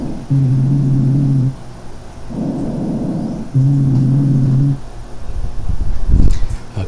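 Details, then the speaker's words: Rhonchi on auscultation: low-pitched, snoring, harsh coarse rumbles mainly on expiration, with quieter clear inspiration, typical of obstructive airway disease such as chronic bronchitis (a COPD component), where the problem is getting air out. "cuenta un ruido áspero musical agudo un grueso espiratorio básicamente porque porque recuerden que en las enfermedades obstructivas el problema es para sacar el aire como la bronquitis crónica que es uno de los componentes del epoc"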